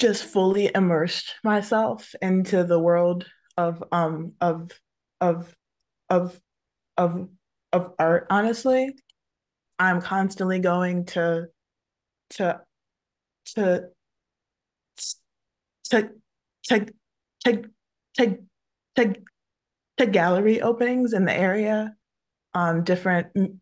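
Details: Adult woman who stutters, speaking in English with multiple audible word repetitions; stuttering.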